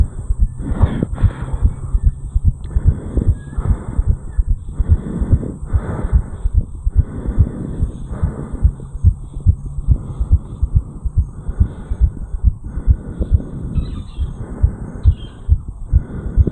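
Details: Sinus tachycardia in a 34-year-old man after jogging up a flight of stairs, recorded at the mitral area: a rapid, regular, forceful heartbeat at roughly 140 beats a minute.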